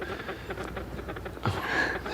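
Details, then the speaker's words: Rapid, rhythmic whooshing fetal heartbeat on Doppler ultrasound in a TV drama scene, much faster than an adult's and said to be normal. "There you can see the head and then you can see the spine. This is amazing. And that is the sound of your baby's heartbeat."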